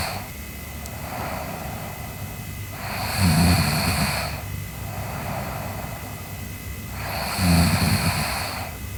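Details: Sleeping girl snoring: regular rattling snores, about 14 breaths a minute, a low vibrating snore on each breath over room hiss.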